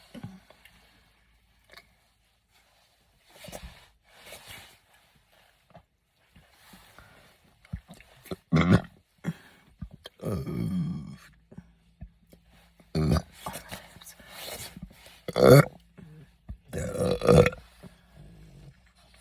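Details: Several low, throaty voiced burps with quieter short gulps between; burping (eructation).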